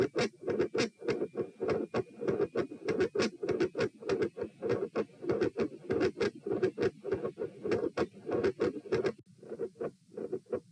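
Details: Heart sounds recorded at position P with the subject sitting, from a same-subject comparison study: rapid, regular beats with sharp clicky extra sounds and a fixed split S2.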